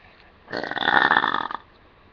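One sustained, buzzing, throaty belch lasting about a second over faint room noise; a burp.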